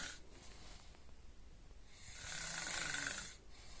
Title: Snoring 2